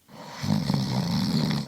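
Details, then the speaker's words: Recording of the speaker's girlfriend snoring during the night: a low, rattling, fluttering rumble that builds and holds through one inhaled breath. "Ah, Il y en a qui s'endorment avec ça, des ronflements. Veux-tu un extrait audio de ma dernière nuit?"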